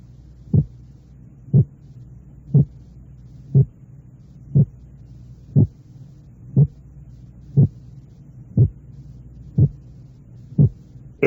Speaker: de máxima importancia en el análisis del segundo ruido cardíaco es determinar la presencia de un desdoblamiento de este ruido así como el efecto que ejerce la respiración sobre dicho desdoblamiento